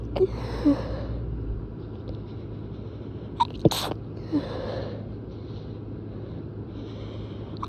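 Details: Stifled sneezes: a few brief muffled bursts, then one sharper sneeze, over steady background rumble.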